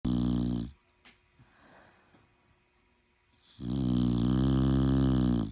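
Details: Snoring during sleep: loud, buzzing, drawn-out snores with a quiet breathing gap between them.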